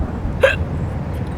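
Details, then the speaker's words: Staged comedy scene on a first date: one short, sharp voiced hiccup over steady low background noise; hiccup. "this is so nice it's such a good idea I love a little hiccup here and there it's so cute you just keep going huh"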